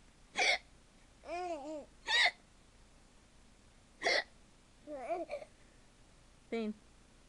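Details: Imitated hiccups: three sharp, abrupt hiccup-like gulps, with a young child's giggles and babble between them; faked hiccups, not true reflex hiccups.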